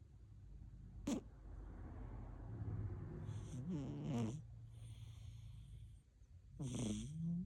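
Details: Sleeping Siamese cat giving loud, rough snores with brief snorting bursts, in irregular breaths about 19 a minute; snoring with snorts.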